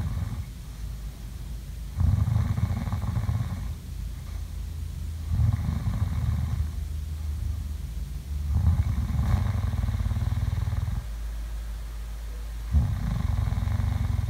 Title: ASMR| COME SLEEP WITH ME| SLEEPING SOUNDS| SNORING